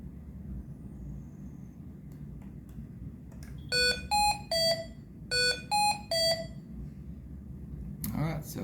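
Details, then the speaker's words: Hamilton T1 ventilator with a neonatal circuit, start-up self-test after power-on: two bursts of three rising electronic alarm tones over faint room hum, ventilator self-test. "so to turn it on you press the power button and then it will run a self test a pretty quick self test"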